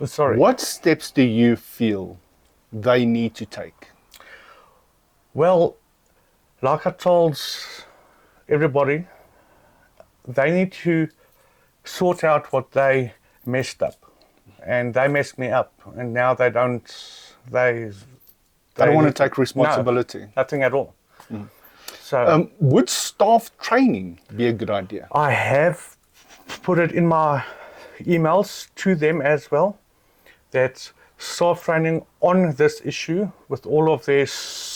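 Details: Adult man who stutters; stuttering.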